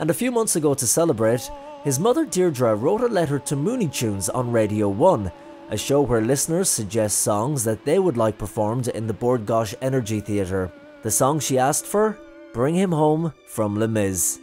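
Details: Adult male narrator; normal speech.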